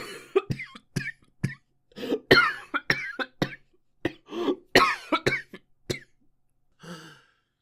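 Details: A Japanese boy coughing. Cough.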